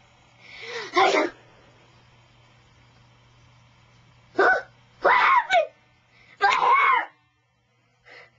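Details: Child's single forceful sneeze: a quick drawn-in breath, then a sharp burst and short exclamations; the child says he sneezed too hard.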